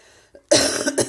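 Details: Woman with chest congestion and bronchial mucus she cannot cough up, before nebulizer inhalation. A faint throat sound, then a loud harsh two-burst cough with a wet, congested quality: a productive cough.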